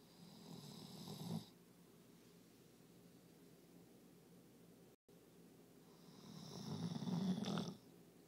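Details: A dog exhausted after a day of obedience competition gives two loud rattling snores, each over a second long, separated by quiet breathing in a small room; snoring.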